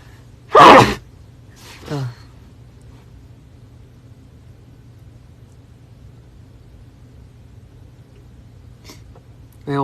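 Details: A single loud, explosive sneeze followed by a short voiced sound, then quiet room hum; the sneeze came on suddenly and is described as unusual.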